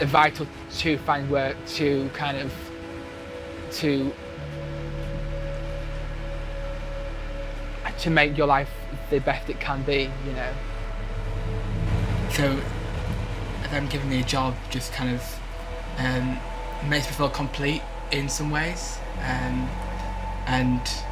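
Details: 23-year-old man who has stammered since he learned to talk, with blocks especially on p, b and t sounds; stammering.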